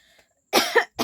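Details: Adult woman with a real cough from a cold caught as the weather changed, coughing heavily the night before, filmed for a coughing challenge: one harsh, wet-sounding cough, with a second burst starting at the end.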